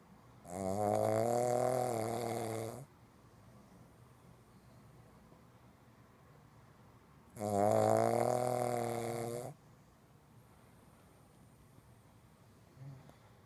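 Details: Sleeping pug snoring, louder than a human: two long, loud, rattling snores about six seconds apart, with quiet breathing between them.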